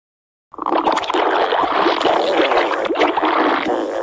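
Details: Stomach growling (borborygmi) from hunger: after brief silence, continuous bubbling, squelching gurgles and rumbles.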